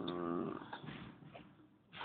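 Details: Snoring: a brief rattling, buzzy snore on an in-breath, seemingly replayed from a TV drama scene; described as a cousin who fell asleep at work and snored for a good while.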